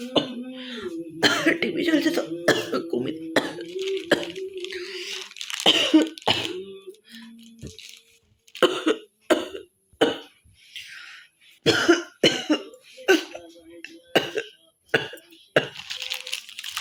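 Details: Performed hoking cough challenge by a woman who says she has a bit of a cough: repeated forced coughs and harsh throat-clearing hawks, some voiced; deliberately performed cough.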